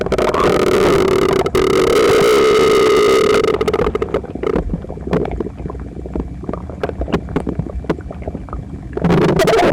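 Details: Loud, long abdominal gurgling and rumbling with bubbling pops and squeaks, then a second rumble, phone pressed to a male's belly during gaming after toast, eggs and milk; visibly uncomfortable, stomach a little upset the other night; borborygmi.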